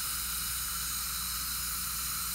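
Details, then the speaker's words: Slow-speed round bur with sterile saline irrigation marking a dental implant site before the osteotomy, during a dentist's own implant surgery: steady hissing, sizzling spray noise. "now the next part is what we call the beginning of what we call an osteotomy an osteotomy means that the bone we're gonna create a whole ostium is the bone or the root word of bone"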